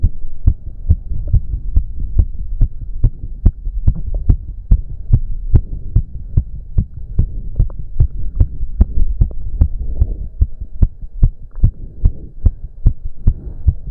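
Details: Fast, strong, regular heartbeat (heard around 145/min; owner reports close to 200 bpm) with a low hum in a male during an intense cardio workout of about 15 minutes, with heavy breathing: exercise-induced tachycardia, a normal response.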